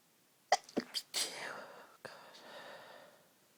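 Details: Quick run of stifled, muffled sneezes with a breathy release afterward, held back to stay quiet while sleeping beside a friend. Repeated suppressed sneezing that would not stop.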